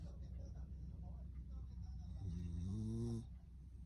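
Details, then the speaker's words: Corgi rescue dog sleeping deeply: steady low rattling breath noise, then a longer whistling, tonal snore on the in-breath; snoring. "く抱きしめ、爆睡するマギ。いびきをかき気持ちよさそう。"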